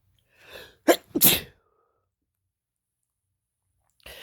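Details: Big sneezes from a male who just got over one cold, feels he may be coming down with another and has felt tickly all day: a quick in-breath, then a sharp, forceful double sneeze.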